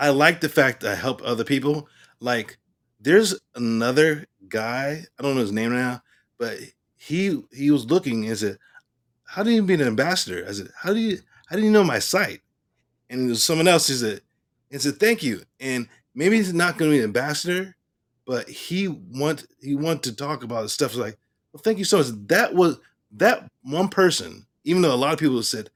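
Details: Aphasia in an adult male stroke survivor.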